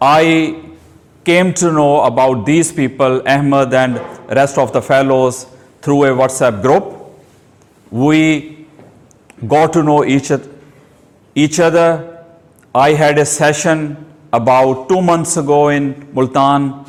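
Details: Adult man who has stammered since age two, giving a prepared speech at a stammering-support public-speaking session; stuttering.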